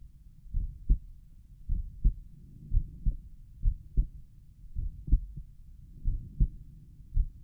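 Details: Own heartbeat at Erb's point while lying down and relaxing: slow, regular paired heart sounds at about 52 beats a minute; normal heart sounds.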